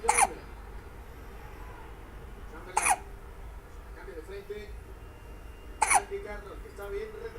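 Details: Hiccups: three sharp, abrupt hiccup sounds a few seconds apart over quiet room noise, about 20 a minute.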